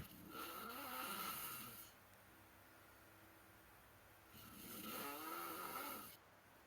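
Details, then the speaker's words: Man snoring, heard over an online voice chat site: two long, rough, rattling snores about four seconds apart, separated by quiet. "so um I was on geek Report with my friend and we found this it's just listen to this he's just snoring like dude"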